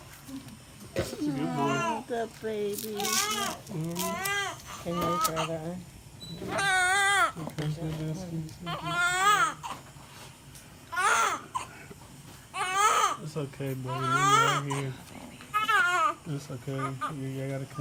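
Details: Newborn baby boy, first baby, crying just after birth: repeated rhythmic wailing bursts with brief pauses for breath, a strong newborn cry with room noise in the background.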